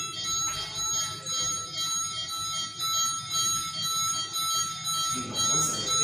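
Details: Repeating electronic alarm tones over steady machine noise with faint talk, from a Siemens 300 ventilator during a demonstration of SIMV/control mode settings and alarm limits: ventilator alarm.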